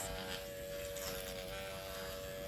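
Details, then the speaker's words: Microneedling training demonstration on the forehead: pen at low speed (no higher than two of six) with 0.25 mm needles, moved up-down and across, soft steady electric buzz with faint hum; microneedling pen running. "and moving across moving along as we go we're not holding the pen still at any point"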